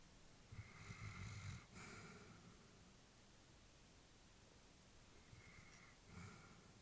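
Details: Elderly female Labrador sleeping: soft, low snoring breaths, two faint snore cycles over a hissy background; normal sleep breathing.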